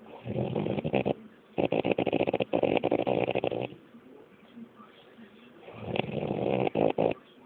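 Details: Man recorded by his girlfriend while asleep at night: loud, rattling, fluttering snores in several long bursts with quieter gaps, a coarse vibrating snore.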